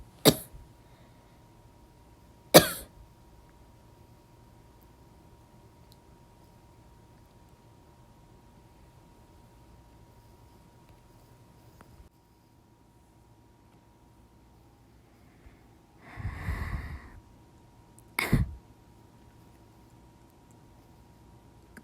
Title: have a dry cough